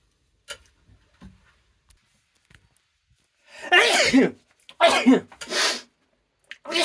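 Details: Sneezing from dust allergy while dusting a bedroom: a few faint sniffs, then four sharp sneezes in quick succession.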